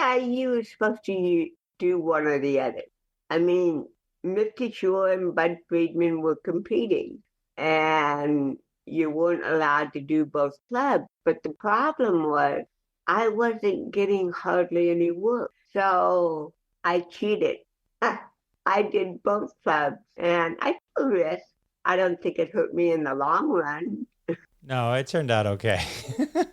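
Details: Adult woman with cerebral palsy, a television actress and comedian, speaking in a podcast interview; dysarthric speech in cerebral palsy.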